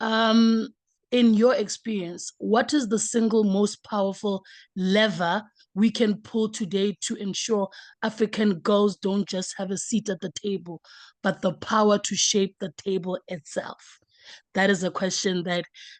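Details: Adult woman speaking; Normal speech.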